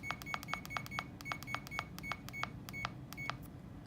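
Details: Rapid series of short, high electronic beeps in a quiet room as a CADD infusion pump for epidural and nerve block patients confirms a rate change from 8 to 10; demonstration.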